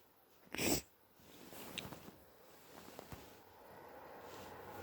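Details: Person with suspected hay fever plus early cold (sore throat, itchy blocked stuffy nose, mouth breathing): one explosive sneeze, then quieter snuffling and a snotty nose blow.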